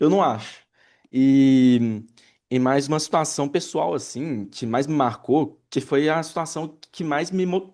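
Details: Adult man who identifies himself as a person who stutters, speaking with audible word and phrase repetitions; stuttering.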